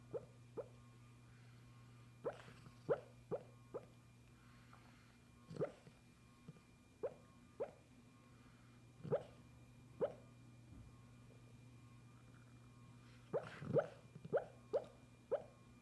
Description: My dog Charlie making weird bubble noises while she sleeps..